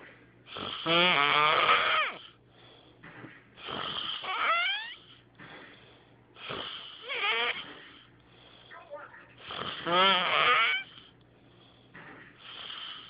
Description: My friend has the weirdest snore I've ever heard